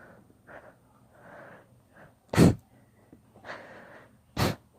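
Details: Deliberately induced sneezing fit: breathy build-up sounds followed by two forceful sneezes.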